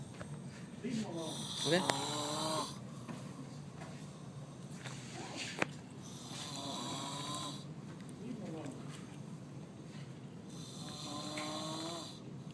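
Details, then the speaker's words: Loud, rasping, chainsaw-like snoring from a man, about 12 breaths a minute, with faint room noise. "you sound like a fucking chainsaw."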